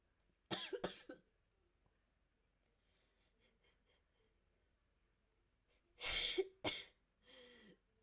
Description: the coughs are towards the end, sometimes it's difficult when sneezing naturally isn't an option :(